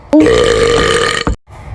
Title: rp ep 17: a great burping contest